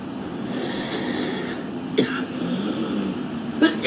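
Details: Young woman smoking outdoors at about minus 20 degrees, smoker's cough: two short, harsh coughs over background noise.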